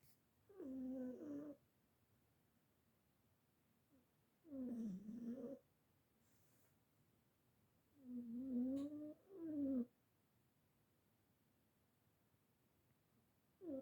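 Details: Soft, fluttering snores with quiet gaps between, four in about 14 seconds; light snoring from a small sleeping animal.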